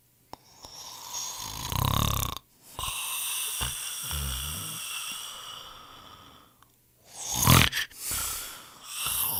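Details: Heavy snoring from a royalty-free sound-effect compilation of people snoring: loud, harsh snores with whistling, fluttering in-breaths and snorting bursts.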